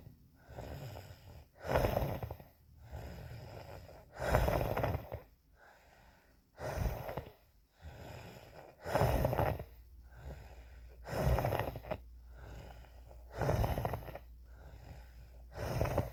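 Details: Justin's wheezing episode: noisy, harsh breathing at about 26 breaths a minute with rough whistling on each breath.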